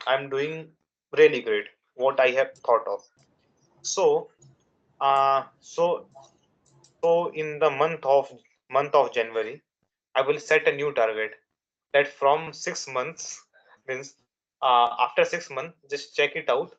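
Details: Young adult man from India who has stuttered since childhood, for over 10 years, with nervousness and fast speech rate as triggers and a father who also stammered; he says he still stutters in real life; stuttering.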